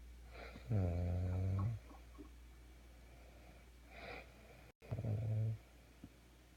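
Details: Real snoring during sleep after a very tiring day.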